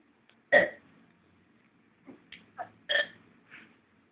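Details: A girl burping on request: one loud burp, then a few smaller burps over about four seconds in a quiet room.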